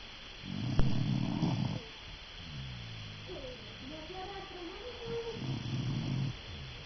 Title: Dog snoring